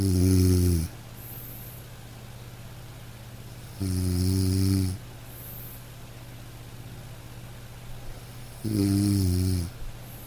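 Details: Repetitive snoring sleep sounds from a snorer.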